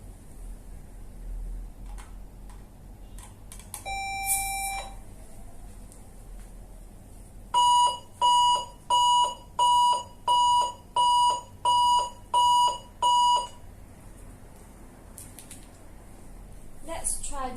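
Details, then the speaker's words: 400 W high-frequency electrosurgical unit in monopolar blend 2 mode (30% cut, 70% coagulation): a brief earlier tone, then steady beeping about 87 a minute; electrosurgical unit activation tone. "Blend two is for 30% cut and 70% coat. Now we try."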